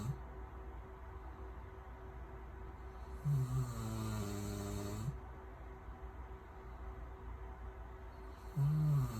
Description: Anatolian Shepherd snoring